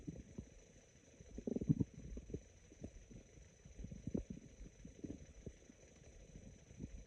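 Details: Quiet, scattered, very sparse low gurgles and raspy rumbles from the abdomen over steady hiss; stomach growling (borborygmi).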